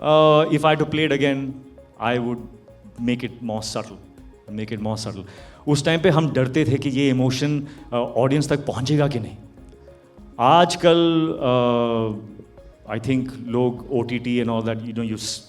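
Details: Adult man; ordinary speech.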